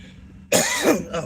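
A single abrupt, voiced cough from an adult after a quiet moment, with faint hum in the background.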